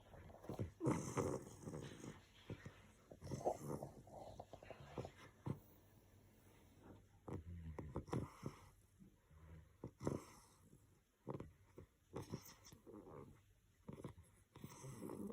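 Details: Sleeping English bulldog puppy snoring: irregular snuffling, grunting snorts through a noisy airway in a flat-faced puppy.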